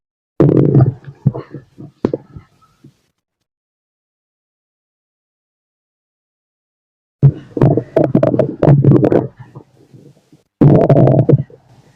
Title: My stomach growling (male) #stomachgrowling #stomach #auscultation #body #tummy #digestion